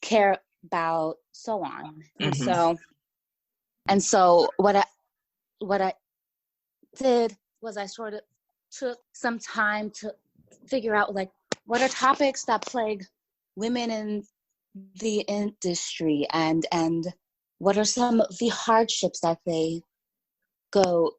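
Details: Stuttering in an adult woman writer from Los Angeles who says she has a stutter that listeners may hear.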